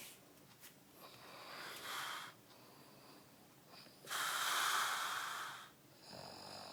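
Harsh, hissing snores with a whistling, fluttering edge, alternating with quieter breaths; loud snoring.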